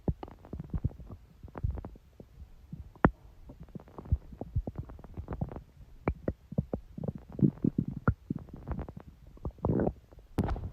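Continuous low gurgles, pops and rumbles with irregular sharp clicks: ordinary stomach growling from gas and fluid moving through the bowel.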